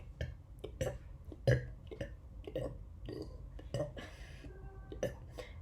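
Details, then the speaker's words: Voluntary burping demonstration, made by quickly inhaling air and aiming for about 50 in a row: a rapid series of short, low, croaking burps, about ten in five seconds, in a quiet room. "Once you master this technique, you'll be able to burp like me, around 500 times in a row. So let's begin at 50."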